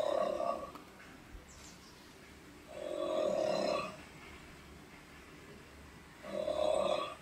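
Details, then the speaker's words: Snoring-like sound coming from an iPhone 16 Pro Max with all apps closed, resembling a person snoring, growing louder; speaker thinks it sounds like a monitoring feed, with car and car-alarm noises. "哇塞，有个人在打呼噜的声，听得见吗？大家仔细听一听，是不是一个人打呼噜的声啊？"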